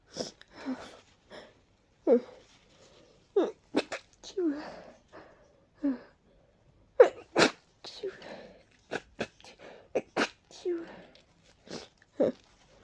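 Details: A huge sneezing fit with a rapid series of short, sharp sneezes and brief gasps between them, from a mix of allergies and a cold, with deep nasal tickles and a stuck sneeze.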